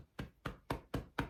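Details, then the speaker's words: Demonstration of cupped-hand chest percussion with a relaxed wrist across the back, taught for an elderly dementia resident with a chest infection struggling to cough up sputum: five hollow, muffled claps at a steady rhythm to loosen sputum. "you can hear the sound so that's the percussion that's going right through the lungs and loosening up the sputum"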